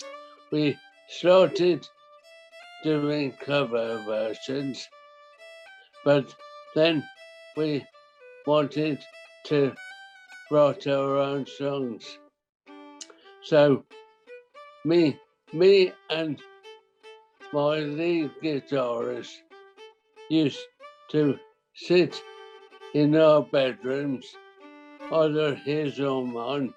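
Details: 63-year-old man with primary lateral sclerosis, a rare form of motor neuron disease, for about 5.5 years; spastic dysarthria.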